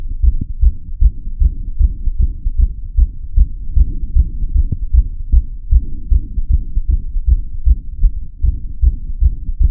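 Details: Steady, regular, low thumping heartbeats recorded through a stethoscope with audio tweaks, slightly processed, with no other sounds: a normal heartbeat.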